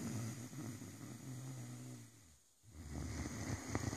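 Low, rumbling snore on the in-breath, then a pause and a softer breath; ordinary sleep snoring in a large dog.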